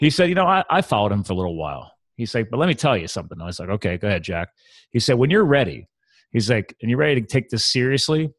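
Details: Adult man speaking; typical adult speech.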